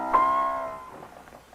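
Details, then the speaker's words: A single piano note rings and fades, simulating Beethoven's beginning high-frequency hearing loss, which narrows the audible keyboard range: high-frequency hearing loss simulation. "if i were to demonstrate this loss on the piano i could say that whereas before he could hear from here to here now because of loss of high frequencies you can only hear from here to here"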